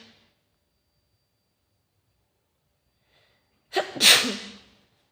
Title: Facetime Sneezing ☺️